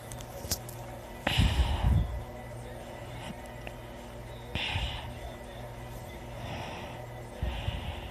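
Heavy, noisy breaths with low snorting bursts spaced a few seconds apart during sleep; loud snoring.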